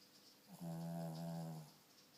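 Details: Sleeping dog snoring: a single drawn-out, low, humming snore of about one second in a quiet room; the owner jokingly calls it a snoring issue and dog sleep apnea.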